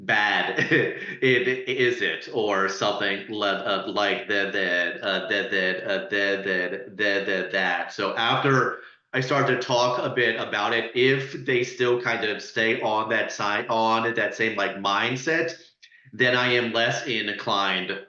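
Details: Adult who stutters speaking as a panelist, with audible repetitions and blocks; stuttering.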